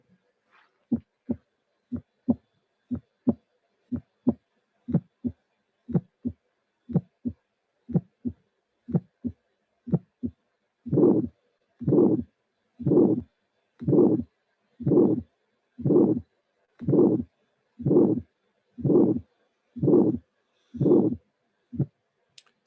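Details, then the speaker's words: Simulated, electronically built bicuspid aortic stenosis at about 60 beats a minute: normal cycles, then a high-frequency early ejection click after a low-intensity first sound, then a harsh diamond-shaped systolic murmur. "this is the first sound and as you can see the intensity is low but when the click will appear there is high frequency sound"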